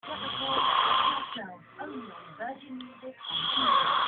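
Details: A ginger-haired boy snoring asleep: raspy, buzzing snores at the start and end with softer squeaky breathing between; snoring.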